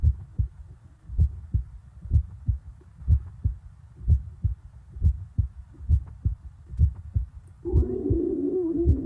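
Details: Steady paired heart thumps at about 62 beats a minute, with a burst of stomach gurgling near the end: heartbeat with bowel sounds.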